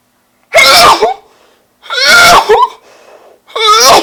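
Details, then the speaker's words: Random sneeze attack: three loud, very wet, messy sneezes in quick succession over about four seconds, each a sharp explosive burst with a voiced cry; repeated sneezing. "oh my gosh that was so wet you know that was really really wet"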